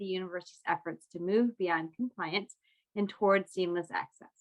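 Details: Adult woman speaking; Ordinary speech.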